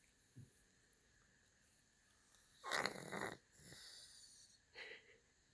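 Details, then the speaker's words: Sleeping cat snoring, with a few irregular noisy breaths including a louder rasping snort and a softer follow-on breath. "Seamus, you're snoring. Hey. You're sleeping so well."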